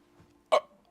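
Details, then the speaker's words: A single sharp, abrupt hiccup from an adult podcast host who has had persistent small hiccups while drinking; a sudden voiced gulp over a faint low room hum. "It's like little hiccups. It's not even big ones."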